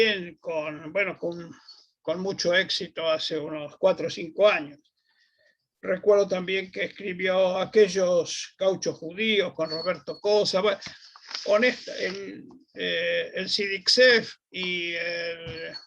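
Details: Adult man speaking Spanish; normal voice.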